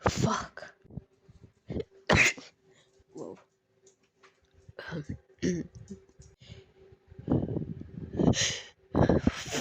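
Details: Several breathy sneezes, each preceded by a gasping build-up, with quiet pauses between them, which the sneezer attributes to allergies; sneezing.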